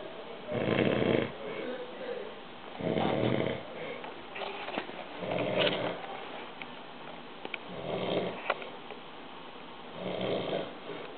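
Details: Loud snoring: deep, rumbling snores about every two and a half seconds, near 25 per minute, in a small room.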